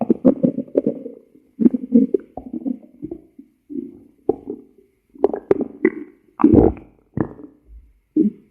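Bursts of low gurgling and rumbling with short pauses in between. Ordinary stomach growling from gas and fluid moving through the gut.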